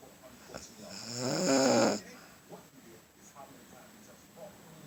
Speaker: This is why a person can't fucking sleep.